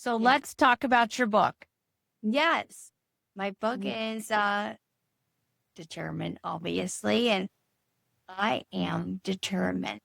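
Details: Adult woman, stroke survivor nine years after a brain bleed treated with surgery, with chronic aphasia and apraxia, struggling to produce a number; Broca's aphasia with apraxia of speech.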